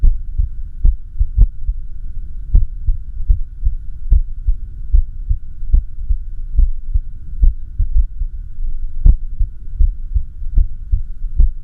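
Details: Self-recorded echocardiography (cardiac ultrasound) of the recorder's own heart during an arrhythmia: whooshing heart sounds over a low hum, with beats at uneven intervals; irregular heartbeat.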